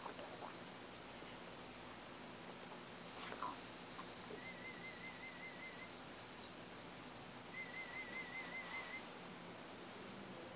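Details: Aided sound-field hearing test with a cochlear implant low on battery; the patient has tinnitus: two brief warbling test tones, each over a second, over quiet room hiss; hearing test tones.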